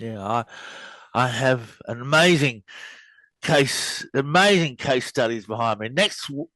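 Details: Adult man who had a very bad stutter early in life, mostly overcome but still creeping in at times; word and phrase repetitions. Stuttering.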